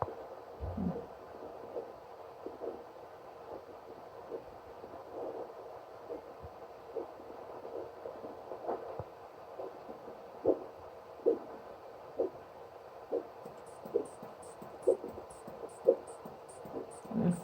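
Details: Doppler signal over the dorsalis pedis artery at the left ankle during an ankle-brachial index check, cuff wrapped snugly: faint hum, then regular whooshing pulses about 75 a minute; the signal stopped at about 160.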